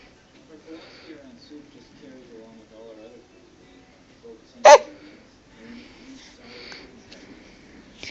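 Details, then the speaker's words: Infant with hiccups, babbling and fussing, interrupted by one sharp, abrupt hiccup against faint room noise. "going on you got the hiccups a you got hiccups oh wa I was hoping they were kind of gone you still got hiccups"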